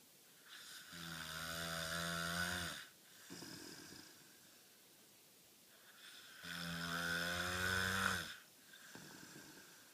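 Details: Two long, loud, rattling snores on inward breaths, each followed by a quieter breath out, about one breath every five to six seconds; snoring.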